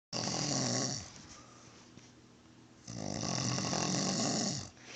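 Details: Adult white male, a long-time smoker, sleeping on a couch: two loud, rough, rattling snores with a pause between them. The speaker claims he stops breathing 23 times an hour; this is not confirmed.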